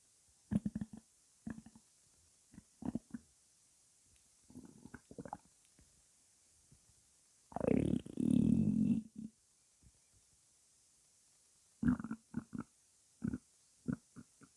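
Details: Woman with white hair, hungry before breakfast: scattered short gurgles and one longer low rumble in a quiet room, normal hunger stomach growling (borborygmi).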